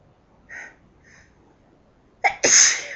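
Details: Two soft inward catches of breath, then a sharp, loud, hissing sneeze, which the person attributes to dust in the house; a single sneeze.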